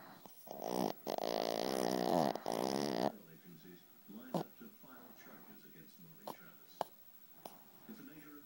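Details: A dog named Miko gives a loud, rough, drawn-out snore, followed by quieter snuffling breaths with faint clicks; dog snoring.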